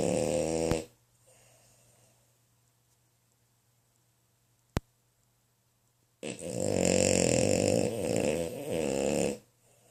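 Loud rattling, buzzy snore on an in-breath, then a quiet pause, then another long snore: ordinary snoring.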